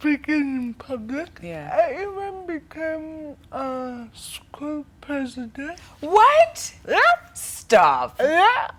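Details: Dysarthria in a 25-year-old woman with cerebral palsy from brain damage due to lack of oxygen at birth during prolonged labour, affecting leg and hand movement, coordination and speech.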